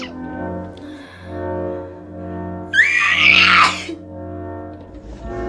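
A single sudden hissing burst like a sneeze breaks through steady background music, with no other sneezes heard.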